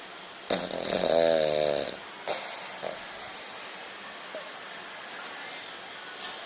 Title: French Bulldog Snore